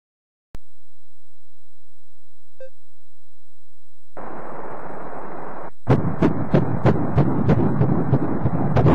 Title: Baby Untra Sound | baby Heartbeat | 8weeks to 30 weeks | 9 months in the womb | Baby Care | 3D